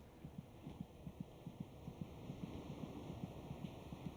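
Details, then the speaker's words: Fetal heartbeat in the third trimester, described as about twice the mother's rate: rapid, regular soft thumps around 145 a minute over a low hum; normal fetal heartbeat. "you kick the fetus's heart meets about twice as fast as our mothers monitoring the baby's heartbeat gives a good indication of his general condition"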